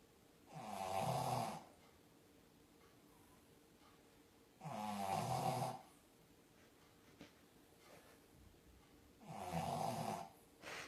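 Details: Snoring from Cooper, a sleeping French bulldog: three loud rattling snores roughly every four seconds, about 14 a minute, with quiet breathing between them.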